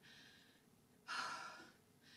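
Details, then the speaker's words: A single forceful, noisy sneeze after a brief in-breath, with quiet room noise, in an acted comedy film scene (Hall Pass) just after a character says he feels sick: a sneeze. "sneeze helped."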